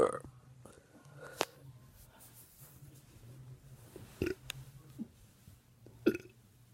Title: Burping on command